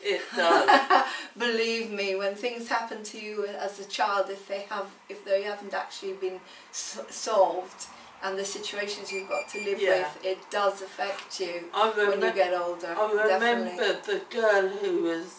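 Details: Adult woman speaking; typical speech.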